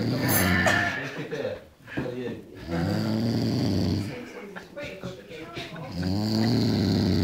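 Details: Drunk adult snoring loudly in sleep: harsh, irregular snoring, with voices and movement noise in the room.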